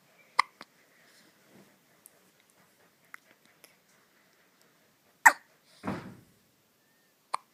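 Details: Four-day-old newborn just home from hospital: sharp, brief, abrupt catches at irregular intervals in a quiet room, with short breathy sounds between; newborn hiccups.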